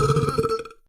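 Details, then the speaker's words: A single loud, low, rumbling burp under a second long, a voluntary belch made by swallowing air and expelling it; belching. "That was seriously impressive. You just like You just You just like You just swallowed air and then you spit it out basically."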